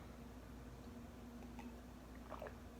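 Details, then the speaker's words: Passy-Muir speaking valve demonstration while drinking a glass of water: quiet wet swallows, then a brief soft exhalation as the airway reopens, from a positive-pressure air column that helps prevent aspiration. "notice that I had a brief exhalation at the end of my swallow this occurs because as the airway opens back up at the end of a swallow a column of air under positive pressure exits the trachea and this helps prevent aspiration"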